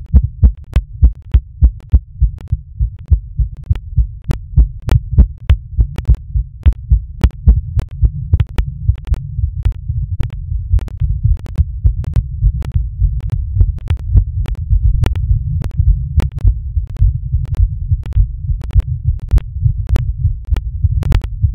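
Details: Fast, steady heartbeat of about 100 beats a minute with deep thumps over a low hum, recorded while masturbating; sinus tachycardia.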